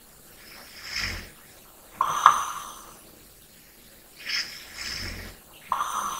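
Soft rattling snores alternate with quieter breaths, two cycles in six seconds, with faint room noise: light snoring during sleep.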